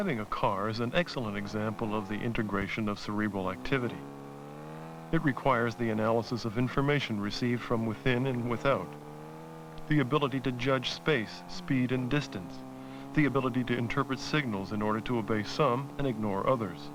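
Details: Adult male narrator; normal speech.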